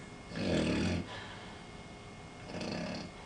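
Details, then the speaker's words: Overweight man with a thick neck in a sleep study, lying on his back with pillow elevated: loud, harsh, rumbling wheezing breaths, not snoring, then a quieter gap as breathing stops; obstructive sleep apnea. "this is not snoring this is wheezing any second now his brain says i'm not breathing and just i don't if you see my cursor but in a few minutes his stomach starts rocking and rocking back and forth trying to create an airway"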